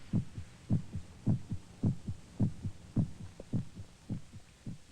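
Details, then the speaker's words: Steady paired low thumps at about 105 beats a minute, a regular, slightly fast normal heartbeat, presented as one's own heart pounding against the ribs, heard in a very silent environment. "But before long, we hear noises we never really heard before. The sound of air molecules beating against our eardrums. The sound of our heart pounding against our ribs."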